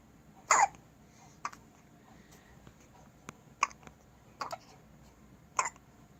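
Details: About five brief, sharp, gulping hiccups, roughly one a second, from a two-week-old baby in a quiet room; infant hiccups.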